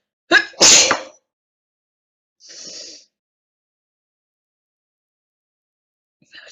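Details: A brief bout of two sneezes in quick succession, then a softer snuffle or sniff; repeated sneezing attacks.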